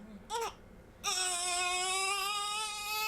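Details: A newborn on postpartum hospital day 2–3 gives a brief cry, pauses, then a sustained high-pitched, clearly voiced wail.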